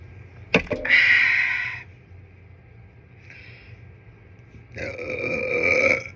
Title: Kimchi Fried Rice Gimbap, Gingerale Hiccup + Burps, Chewy Dried Persimmon #mukbang #burps #hiccups